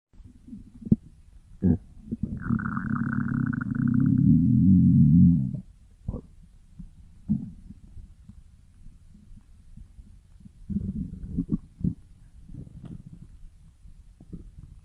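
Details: Stomach growling: a long, low gurgling rumble lasting a few seconds, then scattered softer gurgles; ordinary borborygmi from gas and fluid moving through the gut.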